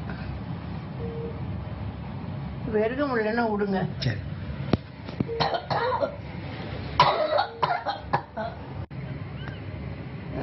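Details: A muffled adult voice and a few short coughs over a steady hiss, from a poor-quality leaked audio said to be a former Tamil Nadu chief minister speaking to her doctor, coughing and sounding irritated.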